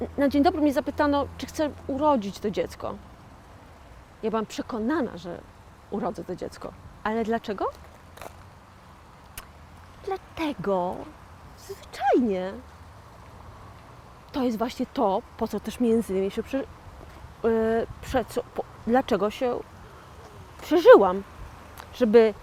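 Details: 41-year-old woman with aphasia after a stroke in 2009, self-described stroke survivor and aphasian; aphasia after stroke.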